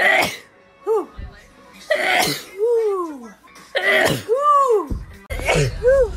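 Several sharp explosive sneezes in quick succession, each followed by a brief voiced tail; ordinary sneezing.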